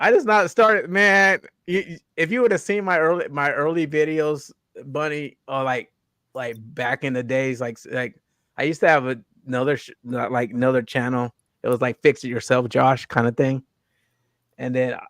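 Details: Adult male host with a self-reported stutter that worsens in unfamiliar situations; stuttering.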